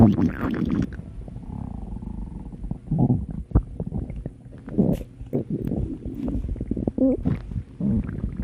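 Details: Ordinary stomach growling (borborygmi): low gurgling rumbles and squelching bursts of varying pitch from the gut, a normal digestive sound.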